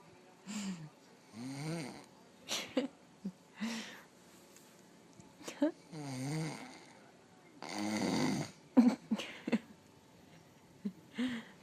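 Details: Person snoring in sleep, recorded by a partner; described as not snoring often; snoring.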